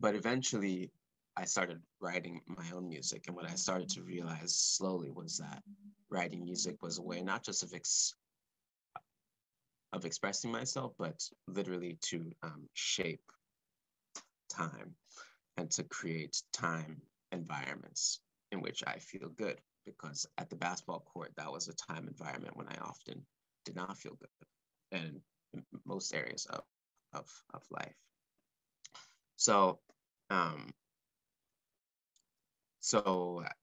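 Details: Adult man speaking live, stuttering since about age four or five, which he describes as blocks and repetitions; stuttering.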